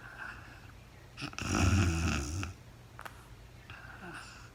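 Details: Real-time overnight recording of a very tired sleeping woman: one rattling, low inhaled snore framed by softer breathing noises in a quiet room; snoring during sleep.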